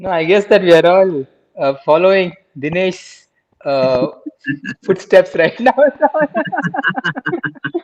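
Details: Adult man in a stammering self-help group for about two years, after about a year of speech therapy beforehand; real speech showing stuttering.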